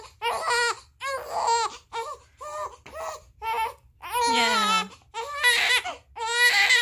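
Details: 30-day-old baby crying hard from hunger while waiting for milk to be warmed: loud, rhythmic wailing in repeated bursts with breaths between; a hunger cry.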